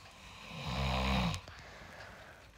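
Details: A husband's snoring: a single loud, low, rattling snore on an in-breath, fading into quiet room noise.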